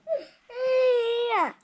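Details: Baby boy crying indoors: a brief whimper, then a sustained high-pitched wail that falls away at the end; an ordinary infant cry.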